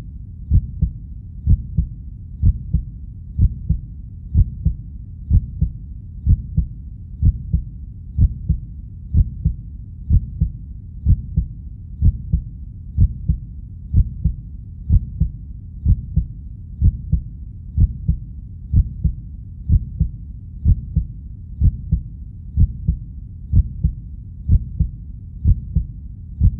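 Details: Royalty-free slow heartbeat sound effect: steady, unhurried, deep, evenly spaced paired thumps at about 62 beats per minute.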